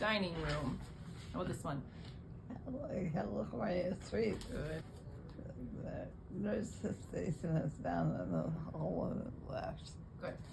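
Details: 90-year-old woman early in recovery, shortly after hospital discharge, from a left non-hemorrhagic (ischemic) stroke or series of strokes damaging Broca's area; knows what she wants to say but substitutes wrong words; Broca's aphasia with paraphasia.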